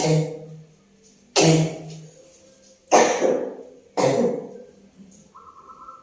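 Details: Woman with a persistent, long-unhealed cough, sleepless the previous night, during a traditional massage: four loud harsh coughs spaced a second or more apart, each fading out.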